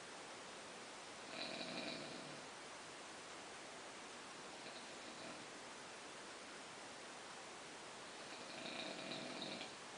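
Soft, whistly nasal snores on the in-breath, about every seven seconds, over steady hiss; nasal snoring during sleep.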